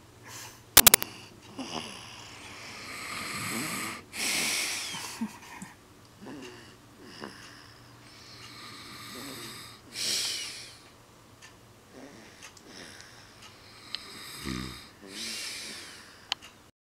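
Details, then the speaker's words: Father and baby both snoring: repeated breathy, whistling snores from two sleepers, roughly every few seconds. "is snoring and Daddy's snoring."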